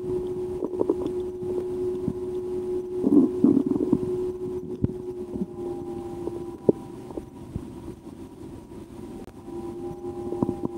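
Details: Own stomach heard through a stethoscope after a lunch of porcini mushroom soup and a sandwich, digesting loudly: gurgling, rumbling sounds with squeaky bursts under a steady low hum; active bowel sounds.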